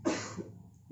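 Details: A single short, forceful cough from a male patient, seated, performing an effective cough exercise during simulated nursing chest physiotherapy practice.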